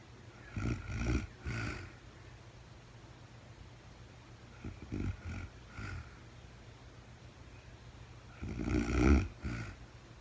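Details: Real-time overnight recording of a very tired sleeping woman: irregular, rough, low snores in short bursts, some clustered, separated by quiet pauses; snoring during sleep, no talking.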